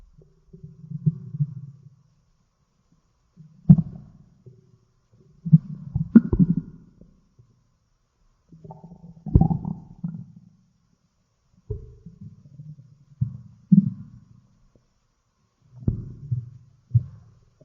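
Low gurgling rumbles come and go in bursts, heard close up; ordinary stomach growling.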